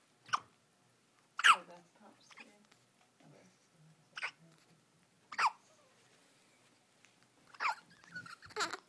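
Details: Six-day-old infant twins hiccupping together: brief, sharp hiccup bursts about every second in a quiet room, mixed with soft infant vocal sounds; hiccups.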